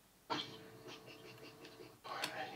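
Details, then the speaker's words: Powerful sneeze during a live gaming stream: an abrupt, forceful burst of breath and voice, then a second burst. "Oh, I just sneezed. That was a fucking crazy sneeze. Did you hear it? That was a super powerful sneeze."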